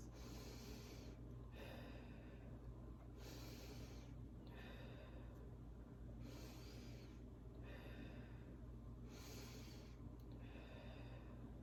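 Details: Respiratory assessment via stethoscope: four slow deep breath cycles, soft airy inhales and exhales over a low hum; bronchovesicular sounds heard upper chest, vesicular lower chest and under the armpit; all normal breath sounds.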